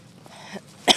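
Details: Adult with a cold and a runny nose, out walking a dog: one short, sharp cough at the end after quiet ambient sound.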